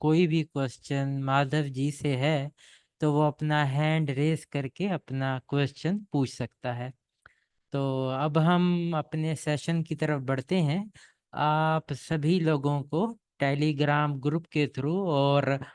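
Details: Adult male speaker; typical speech.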